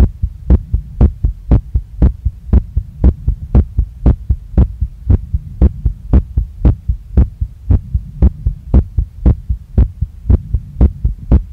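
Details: Woman's heartbeat recorded right after a workout, very fast, strong and pounding, still not calming down; felt in chest, neck, face and stomach. Fast, strong, regular beat about 118 a minute over a low hum: sinus tachycardia after exercise.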